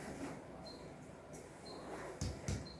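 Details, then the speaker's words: Chest percussion on an adult male patient during a nursing physical examination: quick hollow taps giving a resonant note over air-filled lung; resonant percussion note. "Resonan. Resonan. Resonan."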